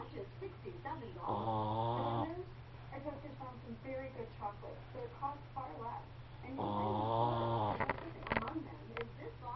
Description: Zoe snores really loud at times. caught her dog napping the other day.